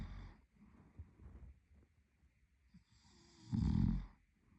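Quiet breathing noises, then one low, rattling snore. Snoring during sleep.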